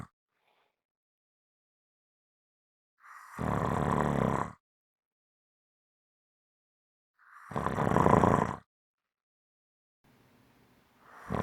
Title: STRONG SNORING SOUNDS